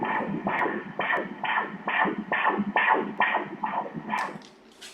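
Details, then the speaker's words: Rapid, regular whooshing Doppler pulses of a baby boy's heartbeat at 32 weeks of pregnancy, measured at 137 beats per minute on ultrasound: normal fetal heartbeat. "The baby from the front. Let's hear it here, the baby's heart beating."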